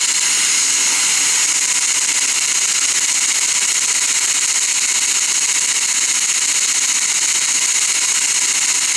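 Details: Dental laser in use during laser-assisted root canal on a lower bicuspid (laser access, caries removal, debridement, decontamination): steady high-pitched hiss with rapid regular pulsing, about 150 per minute.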